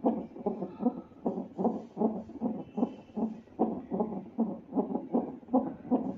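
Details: Fetal heartbeat on hospital CTG monitor during pains, mother admitted in pregnancy and walking about to ease pains.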